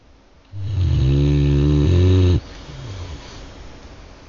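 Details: Snoring: one long, loud, steady low rumbling breath lasting about two seconds, then quiet breathing.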